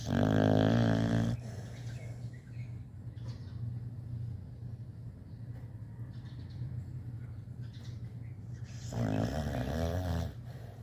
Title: dog snoring loud, my baby bully snores too much 🤣😄 Luna Luga